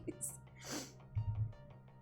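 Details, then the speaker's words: A single muffled sneeze from an adult who turned away from the microphone, a brief sharp hissing burst over soft background music and low room hum. "hopefully that wasn't too loud even though I tried to move away from the mic I only have two second warning whenever I"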